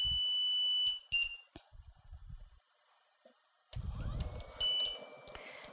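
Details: An LTV 950 home ventilator powering on with no external power connected, running on its internal battery: a high, steady electronic tone with short beeps, the power-on alarm.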